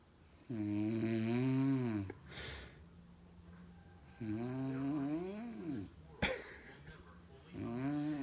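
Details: Sleeping mother snoring loudly, droning snores rising and falling in pitch about every three to four seconds with quieter breaths between, while her baby is with her; snoring.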